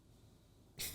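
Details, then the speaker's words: Snoring of a man sleeping in another room, heard during a podcast recording: a faint low, rattling buzz ending in a brief loud snorting rush of air. "There's a man sleeping in there, guys. Snoring, bro."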